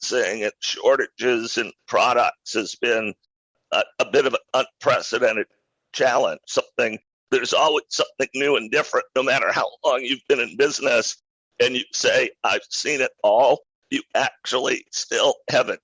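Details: Adult man with a rare neurological voice disorder acquired in 2012 that made speaking difficult, still audible in his speech today; neurological voice disorder.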